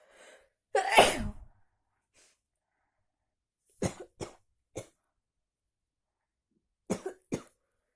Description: I continúe sick ,with a big sneezes cold .